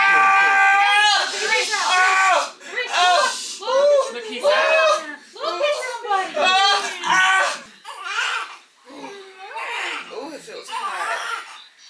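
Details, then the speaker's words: Vigorous, repeated newborn crying immediately after vaginal delivery of a baby boy at 40 weeks following induced labor with epidural, with voices and laughter in the room; a strong first cry. "but after that they brought him up to me I was able to see him I was able to hear him because he cried like instantly"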